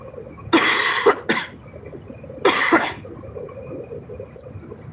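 Two bouts of short, harsh, non-productive coughs from an adult over car-cabin road noise: a dry cough with COVID-19.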